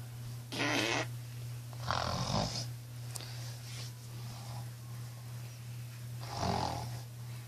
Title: My homie snores like a pig